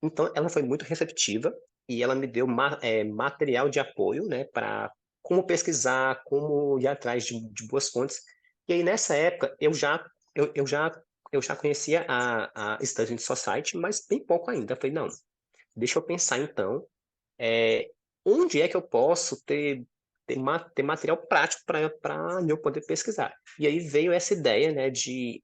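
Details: 26-year-old man who has stuttered since about age 4–5, most severe at ages 6–10, accepted at about 15 and now manages his disfluency; stuttering.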